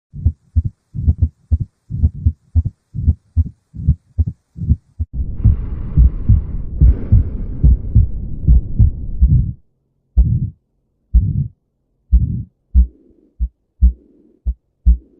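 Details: Abnormal heart sounds: low, regular heartbeats at about 72 per minute with a stretch of continuous whooshing noise between beats.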